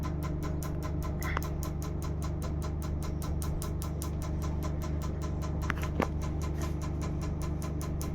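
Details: Steady rapid ticking pulses, about seven a second, over a constant machine hum: a laser pulsing during live tattoo removal.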